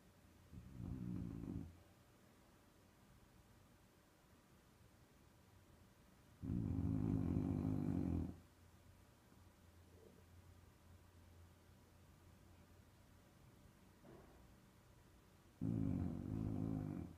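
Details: Sleeping animal snoring: three long, low rumbling snores a few seconds apart, with quiet breathing between them.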